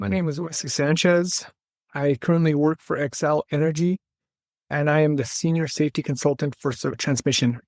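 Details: Adult man speaking; normal speech.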